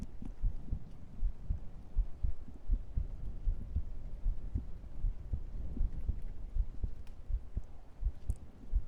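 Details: An adult's heartbeat recorded through a close microphone during an ASMR stream: steady, regular low paired thumps at about 80 a minute with faint room hum; normal heart sounds.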